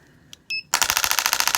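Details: EDX2 home shockwave therapy (ESWT) device for erectile dysfunction being switched on after unboxing: a button beep, then a rapid run of sharp, even clicking pulses as the handpiece starts firing.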